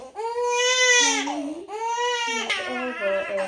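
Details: Newborn girl, mother suspects trapped wind and discomfort, given gripe water: loud, high-pitched, sustained wailing cries in a small room; uncomfortable newborn crying spell.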